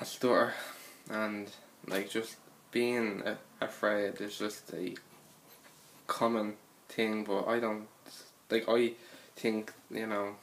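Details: Stuttering (stammer) in an adult who stutters; pauses between phrases may be blocks.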